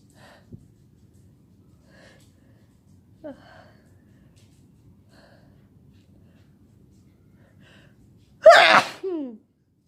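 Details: Sick person with a headache during an all-day sneezing fit: quiet breathing, then one loud, forceful sneeze followed by a brief vocal sound.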